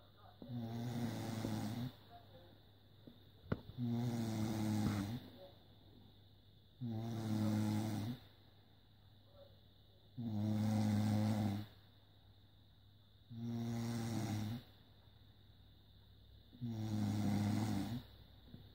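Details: Snoring during sleep: six regular, rough, rumbling snores on each breath in, with quiet breaths out between, about 19 breaths a minute.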